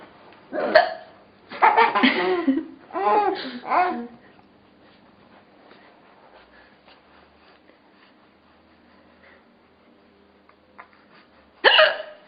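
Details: Adult woman (mother) with hiccups: sharp, voiced hiccup bursts, some mixed with laughter, then quiet.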